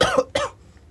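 Two quick, voiced cough bursts from a child, acted for a comedy sketch.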